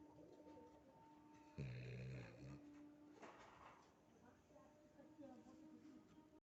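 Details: A sleeping dog gives one low, rumbling snore over quiet room noise, with faint tones in the background.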